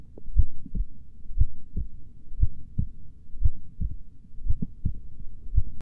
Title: Slowly heartbeat sounds